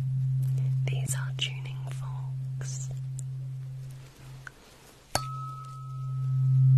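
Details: Steady low pure tone with soft whispering and tapping, then a higher tone partway through: simulated hearing-test tones in an ASMR doctor roleplay, not a real exam.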